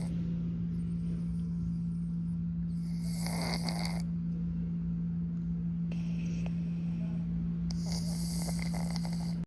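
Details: Persian cat snoring while sleeping: soft, hissing, snorty breaths recurring every few seconds over a steady low background hum.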